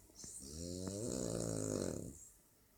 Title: french bulldog snoring